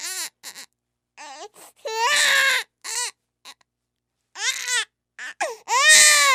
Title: Sound Effect - Baby Crying